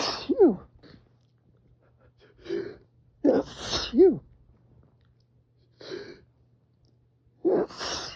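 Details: Adult with seasonal spring pollen allergy reading aloud by an open window: several sneezes, each a sharp in-breath then explosive release, some with a rising-falling voiced 'achoo'; allergy sneezing.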